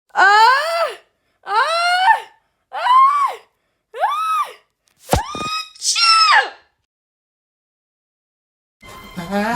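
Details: Acted, simulated cartoon sneeze of a Numberblock character: a string of rising 'ah' build-up breaths ends in a sharp sneeze burst, followed by music.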